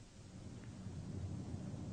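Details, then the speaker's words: Posterior chest auscultation with stethoscope diaphragm while the patient says "99": muffled, low rumbling transmitted voice sounds, a normal vocal resonance finding (not bronchophony). "listen for transmitted voice sounds now i want to say 99 please while auscultating the chest ask the patient to say 99"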